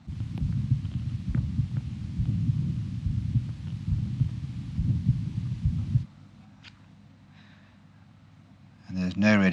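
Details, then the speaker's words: Young man with mitral regurgitation from mitral valve prolapse: the pansystolic murmur is followed from the axilla and grows softer, fading as the stethoscope moves toward the aortic area, with no radiation to the neck. "you can hear it quite nicely here as well it begins to get softer and fade away as you move over into the atic"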